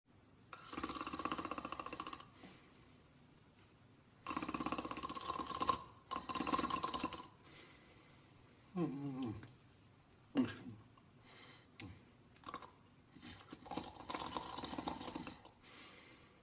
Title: Goober the Dog Sleeping and Snoring in 47 seconds